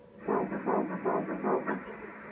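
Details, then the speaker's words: Fetal heartbeat on the first ultrasound at 7 weeks of pregnancy, with the pregnancy confirmed in the uterus: rapid, regular whooshing pulses at 158 beats per minute, a normal rate. "we got to see our little baby it was amazing I'm going to try to put in the little clip of its heartbeat right now"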